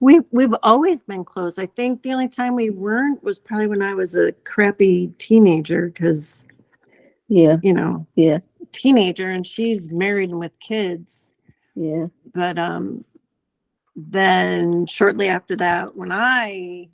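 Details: Adult woman speaking; typical speech.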